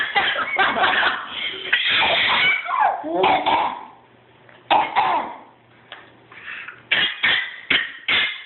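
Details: Two children coughing at each other: repeated short, harsh coughs with laughter and play between bursts in a small room.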